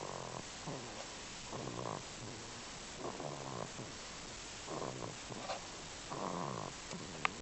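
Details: Soft, irregular rattling snores with quiet gaps between breaths from a sleeping baby, at week 10; infant snoring.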